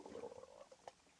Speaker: that was my stomach if you could hear that